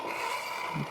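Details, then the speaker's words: Medical suction machine with its vent closed draws up a whole cup of water in a demonstration: a steady whooshing hiss with a gurgle near the end as the fluid is suctioned. "So for suctioning, with this specific Yonkar, you will want to close that vent so that it can suction, but we'll go ahead and suck up a whole cup of water."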